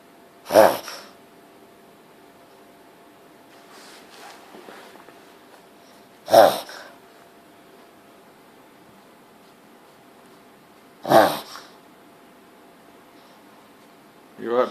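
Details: Pug-type small dog having a snorting attack: four loud, abrupt nasal snorts about five seconds apart in a quiet room.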